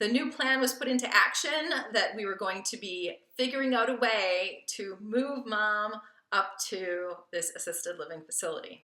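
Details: Adult woman speaking; ordinary speech.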